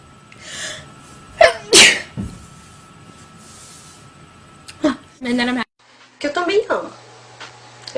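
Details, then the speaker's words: Girl sneezing several times in a row: a sharp sneeze and several further sneezes with a breathy intake before them, then brief voiced sounds afterward. "I'm gonna sneeze it thank you all right as you can tell I sneezed like multiple times in a row that was embarrassing"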